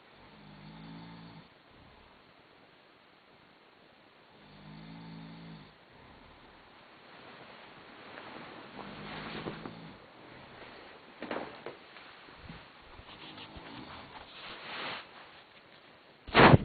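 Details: Person snoring at about 4 a.m. in a hostel in Bohinj, Slovenia: low, buzzing snores repeating about every four seconds over a hiss, ending in a sharp noise.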